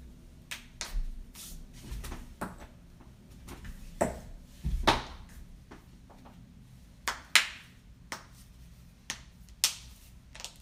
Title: loud joint cracking compilation